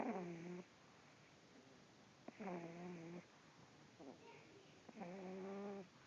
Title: Dog snore